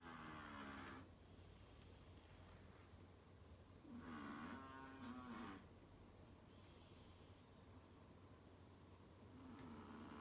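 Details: A pet Chihuahua snoring while asleep: soft, rhythmic snorting breaths with a fluttery rattle on each inhalation over steady room hum.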